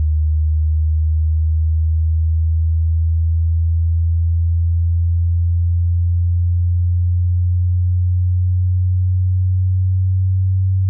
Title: Hearing Test (Frequency)